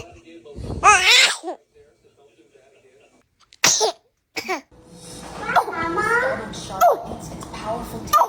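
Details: Sneezes from a newborn, with laughter and exclamations nearby.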